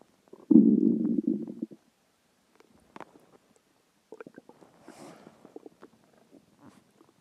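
A loud gurgling stomach growl followed by softer bubbling and clicking gut noises; ordinary hunger rumbling.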